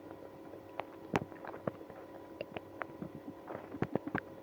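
Scattered gurgles and squelching rumbles over quiet background, active bowel sounds in a person with irritable bowel syndrome.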